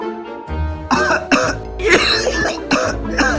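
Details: Several sharp, acted adult coughs with music underneath, from an Indonesian comedy advert for a herbal cough medicine set during the pandemic; the coughs are simulated.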